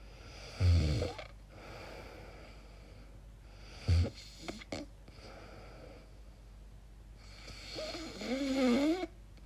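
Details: Loud snorting bursts during sleep separated by long quiet gaps, then a rising, wavering groan-like sound; irregular snoring noises the person calls strange and wonders may be sleep apnea.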